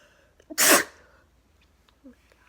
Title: Sweater weather? Sneezing weather! | 22 sneezes and nose blowing